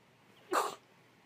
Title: so many cold sneezes (sniffles, stifles, and rapid sneezes) 🌼 (F)